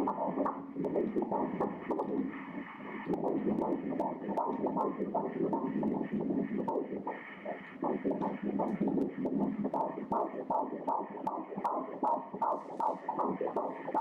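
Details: Fetal heartbeat on Doppler during ultrasound at 13 weeks of pregnancy: rapid whooshing pulses at roughly 150-160 per minute, a normal finding.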